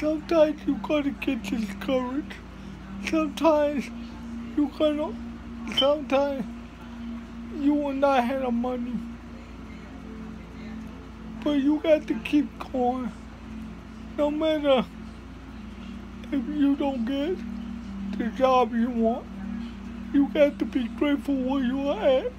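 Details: Dysarthria in a speaker with cerebral palsy giving a motivational talk.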